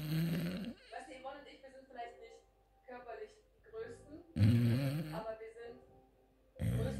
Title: Amstaff snoring